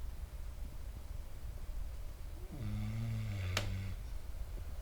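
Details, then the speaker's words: A dog sleeping next to the person snores once, a low buzzing snore of about one second above faint room noise: ordinary dog snoring. "Now I can hear it. Oh my god, that's that's adorable. >> I will say this, there is nothing quite as cute as a dog storing."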